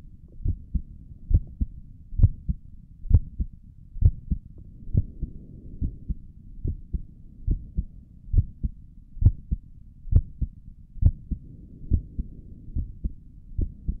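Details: Normal resting heartbeat recorded with a stethoscope on the chest, stomach gurgles also in the recording: steady, low thumping at about 67 beats per minute with a soft background hum.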